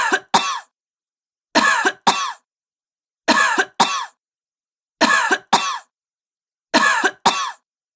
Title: Sick woman coughing sound effect